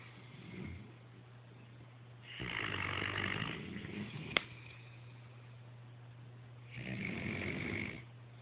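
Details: Snoring: rasping snores on two breaths in, several seconds apart, over a steady low hum.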